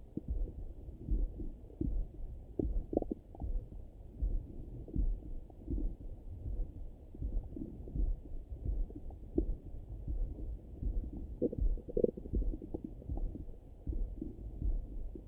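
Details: Morning stomach rumbling heard through a stethoscope over the belly: low, irregular gurgles and rumbles, ordinary bowel sounds (borborygmi).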